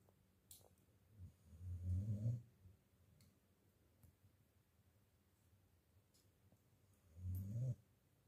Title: This dog snores super loud WATCH WITH SOUND!